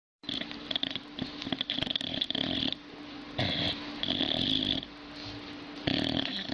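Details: Loud, rough snoring from a sleeping dog, with whistling, snorting breaths repeating every couple of seconds.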